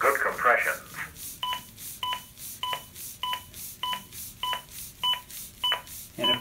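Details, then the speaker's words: Zoll AED demonstration: brief voice prompt to start CPR and push harder, then steady two-tone beeps at about 100 a minute pacing chest compressions; AED CPR metronome prompts. "and then it prompts me to start CPR which is very important push harder and I don't do good enough compression get prompt you for some good"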